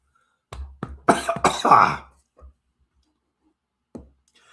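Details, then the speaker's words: An adult gives a short run of coughs, some brief and light, a few louder and harsher, interrupting a live talk. Finding: cough. "Hold on just a second. You guys didn't want to hear that cough."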